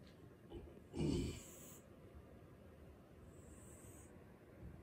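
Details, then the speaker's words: A sleeping male cat gives one loud, rough snorting snore, then quiet breathing against low room noise. "He snores so loud."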